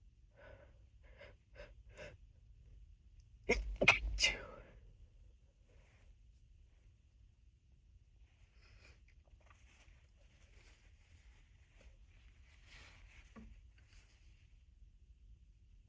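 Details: Several short sniffs, then two or three muffled, held-back stifled sneezes, followed by quiet breathing and soft rustling, in an unedited sneezing and nose-blowing session.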